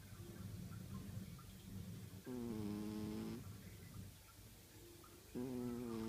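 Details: Sleeping cat snoring, with a whistling, buzzy tone on each breath over a low rumble.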